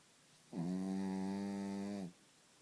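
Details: Dog snoring loudly in the morning: a single steady, humming snore lasting about a second and a half, with a clear even pitch; snoring.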